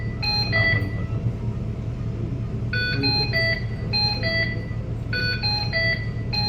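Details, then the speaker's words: Ventilator showing a disconnect alarm: repeating bursts of high multi-tone alarm chimes over a steady low machine hum, while staff discuss lowering the alarm sound. "ठीक है sir इसका alarm थोड़ा सा कम कर disconnect है लोग दिखा रहा है ये लोग अलार्म से ऊपर साउंड साउंड साउंड मेन्यू में जाके"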